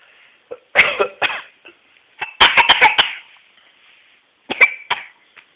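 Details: Sick young boy: several short bursts, a mix of single coughs and a quick run of coughs; cough.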